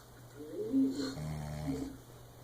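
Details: A father snoring, with one drawn-out, rumbling snore with a vibrating, uneven tone; ordinary snoring.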